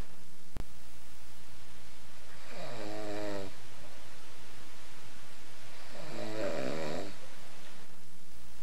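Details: Snoring: two slow, low rattling snores about three seconds apart over steady room hiss.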